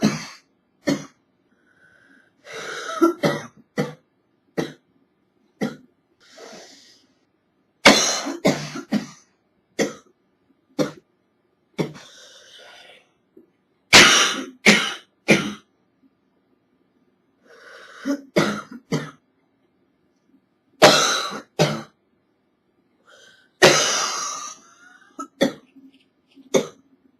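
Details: Simulated cough from an adult woman acting a cold: repeated harsh bursts in clusters, muffled at first as she tries to stifle them, then louder and open.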